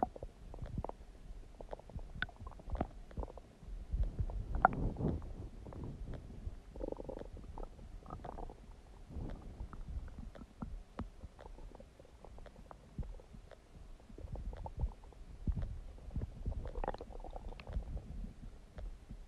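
Low bubbling and gurgling abdominal noises come and go irregularly, typical ordinary bowel sounds.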